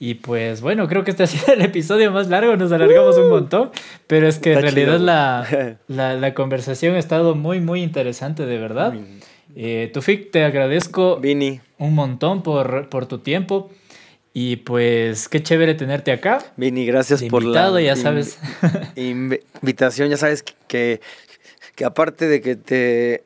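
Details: Adult man; typical speech.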